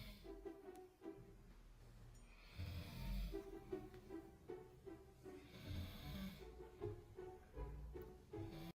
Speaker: My husband's snoring in his sleep and scared the baby.